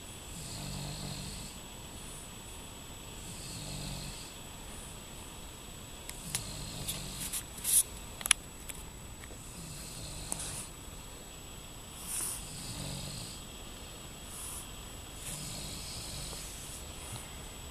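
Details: Young boy and his father sleeping and both snoring: soft, regular low snores about every three seconds, with a few clicks and rustles in a quiet room; snoring.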